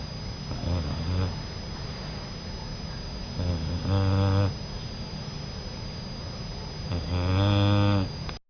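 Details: Boxer puppy snoring while taking a nap.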